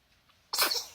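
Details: Baby just woken in the morning, after eating: faint breathy intake, then one sudden sharp burst of noise that fades away; a single sneeze.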